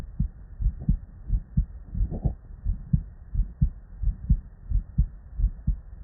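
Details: Real, unedited human heart sounds recorded at the bedside from a patient with normal cardiac physiology: regular lub-dub at about 85/min over faint background hiss; normal first and second heart sounds.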